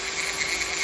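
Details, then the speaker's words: Podiatry treatment of a deep corn on the tip of a hammer toe with thickened hard nail: steady high-pitched whine of a rotary burr grinding down the nail and callus after trimming. "so cut the nail a little bit more and then I'm going to grind all this down really well and that they should take care of it"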